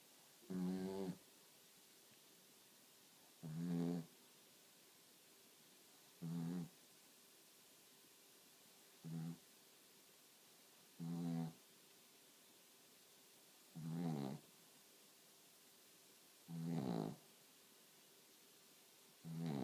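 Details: A dog snoring: regular short, buzzing snores, about 22 a minute, with quiet pauses between them.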